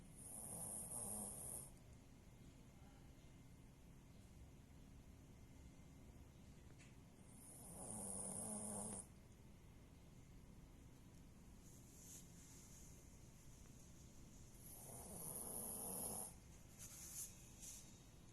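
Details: Three rough, rattling snores about seven seconds apart, roughly eight to nine breaths a minute, over steady room hiss, after a family sleepover; snoring.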